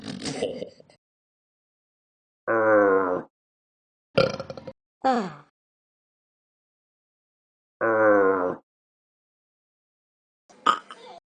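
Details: Deliberate burping during a spin-and-burp contest between two people: several loud, voiced, forced belches in turn with short gaps, plus brief grunts.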